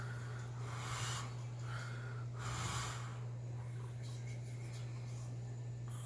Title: snoring 6.9.18